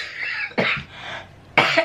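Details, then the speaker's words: Adult woman who says she has come down with a cold, not ill, just coughing: two sharp, loud coughs with a short gap between them. "excuse me i'm not ill i'm not ill i'm just coughing and cold"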